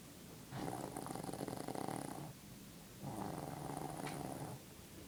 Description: My mom snoring